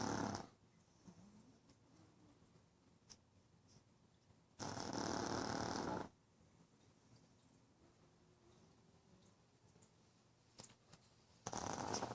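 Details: Pug snoring after a long day at the veterinary clinic and running around the living room; quiet room with bursts of harsh, hissing snoring breaths every several seconds and faint snuffling between, typical of a flat-faced dog.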